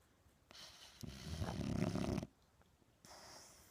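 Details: Boxer dog asleep: a loud, rattling inward snore lasting over a second between softer breaths; dog snoring.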